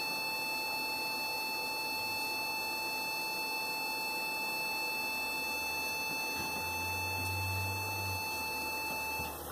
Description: Removal of a mucosal tumour from the lip of a dog using a Gbox 15AB veterinary surgical and therapy laser.